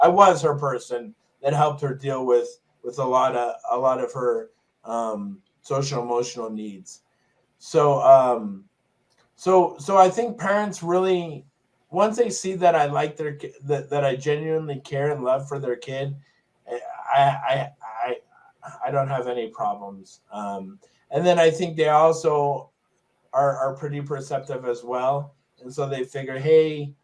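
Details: Stuttering with palilalia (repeated phrases) in an adult male with Tourette syndrome; significant stutter since a brain injury in 2000.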